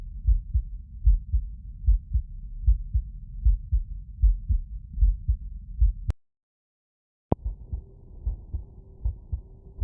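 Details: Regular low lub-dub heartbeat at about 76 beats a minute, briefly interrupted, heard by stethoscope auscultation; normal heart sounds with no added noises.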